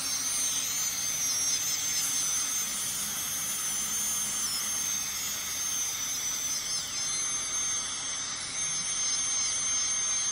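Steady high-pitched whine with hiss and spray throughout; an ultrasonic dental scaler running during cleaning.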